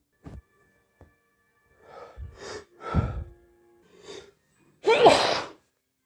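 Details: Itchy sneezes: sniffs and catching breaths build up, then one forceful sneeze bursts out at the end.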